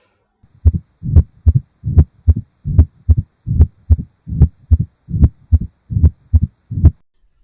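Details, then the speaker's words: Paediatric cardiac auscultation teaching example: regular heartbeat near 74 a minute with a crisp extra sound early in diastole after S2, a mitral stenosis sign usually heard at the apex or left lower sternal border; opening snap. "Finally, diastolic opening snaps are also mitral stenosis but are usually heard at the apex or left lower sternal border."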